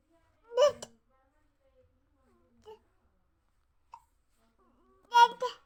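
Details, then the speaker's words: Two brief sharp voiced catches about four and a half seconds apart in a quiet room, with faint small sounds between; hiccups. "हिचकी आ रही है? क्यों आ रही है हिचकी, बताओ।"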